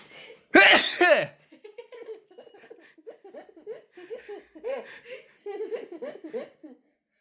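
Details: One loud, abrupt sneeze from an 11-month-old baby, followed by soft giggling and babbling; an ordinary baby sneeze.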